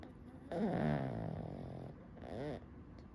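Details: Pug asleep in the morning: loud, rattling snores, a long tonal inhalation followed by a second shorter one, snoring.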